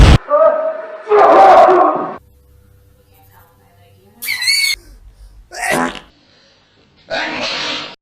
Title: Sneeze meme